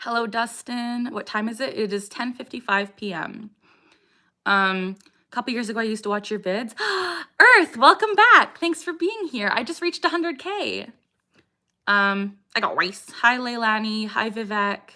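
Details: 27-year-old woman with Tourette syndrome, with tics since age 3 and diagnosed at 12, has motor and vocal tics; the frequent vocal tic phrase "I got rice" interrupts her speech; vocal tic (Tourette syndrome).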